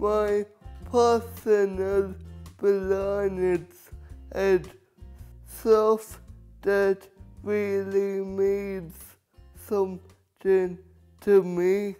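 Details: Young adult male speaker; dysarthric speech in cerebral palsy.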